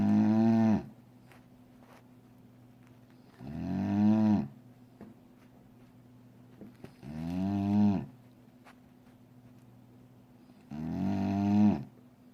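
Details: Sleeping dog snoring in long, tonal, moo-like groans that sound like a cow, about 16 a minute.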